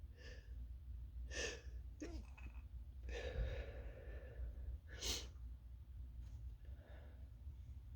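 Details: Drawn-out fit of single sneezes from someone who thinks they are coming down with something, while working from home: several quiet sneeze bursts with sharp in-breaths over a steady low room hum.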